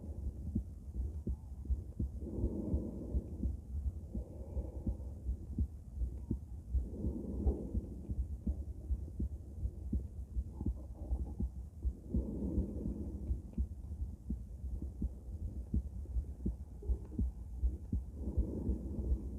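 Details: Female heart auscultated with different stethoscopes at Erb's point, mitral, tricuspid, aortic and pulmonic areas: steady lub-dub about 82 a minute under low hum, no clear extra sounds; normal heart sounds.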